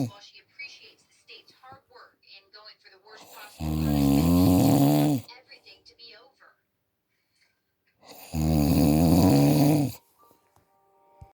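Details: Dog snoring: two long, loud, rattling snores about four seconds apart, with quiet breathing and faint sounds between.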